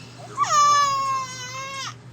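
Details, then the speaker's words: 2-month-old girl crying, upset at having the hiccups: a single drawn-out, clear, steady infant cry lasting about one and a half seconds. "big girl got them hiccups they making you mad yeah yeah tell Mom all about it"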